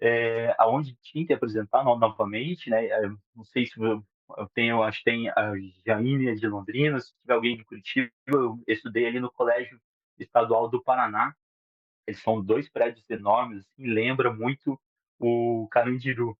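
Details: 37-year-old Portuguese-speaking man who stutters since childhood; stuttering.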